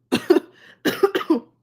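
Two short bouts of harsh coughing, about five coughs in all, in a quiet room.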